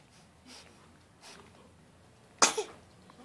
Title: sneezes